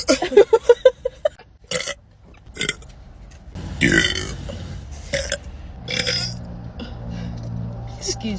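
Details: Person waiting for pre-workout to kick in before leg day: a quick run of short burps, then several long, loud, drawn-out burps, with talking and faint background noise; burping.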